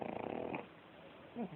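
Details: Pug snoring during sleep: a short, rattling snort-like snore; snoring.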